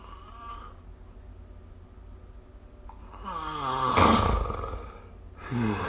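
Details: Adult snoring recorded with the SnoreLab app: a quiet stretch of breathing, then a loud, rough, vibrating snore on the breath, with another starting at the end.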